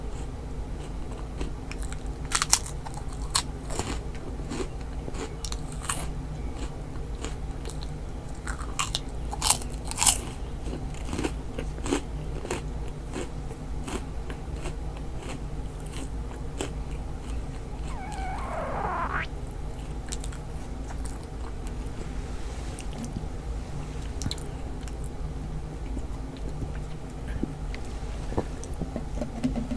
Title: Stomach Growling